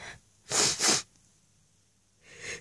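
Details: Sneezing fit triggered by flowers: two sharp, forceful hissing sneezes in quick succession, then quiet and a soft breath.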